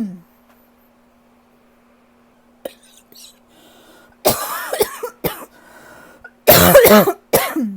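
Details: Adult who cannot shake a lingering cough: after a quiet start and a few brief noises, two clusters of harsh, loud coughs; persistent cough.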